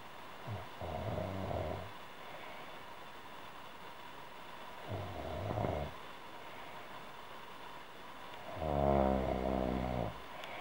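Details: Adult woman snoring: low, vibrating snores about every four seconds over steady room hiss.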